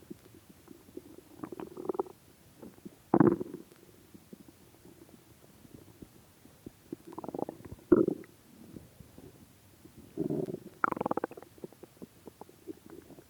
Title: my starving stomach Growling still have not eaten it's been 3 days and 4 hours no food so 76 hours